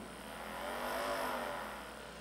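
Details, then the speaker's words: Percussive vibrating massage gun, demonstrated by an orthopedic doctor for superficial muscle massage: steady motor hum rising and falling slightly in pitch; percussive massage gun running. "É um aparelho que possui características de fazer uma massagem, essa parte da frente, à medida que vai vibrando."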